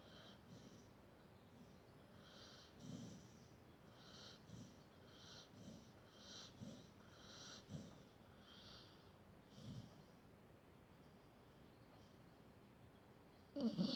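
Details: Sleeping dog snoring: soft snorting, hissing breaths repeating about every second or two, with nasal snuffles.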